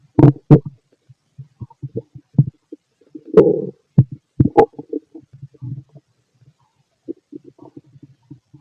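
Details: Fit male, stomach auscultated with a stethoscope while digesting pastry, chicken, curry, bread, milk, eggs and pasta; irregular low gurgles and rumbles; normal bowel sounds (borborygmi).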